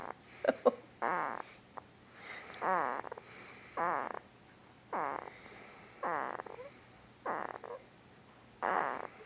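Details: 2-week-old newborn boy hard asleep, making repeated squeaky snoring and grunting sounds; newborn sleep grunting and snoring.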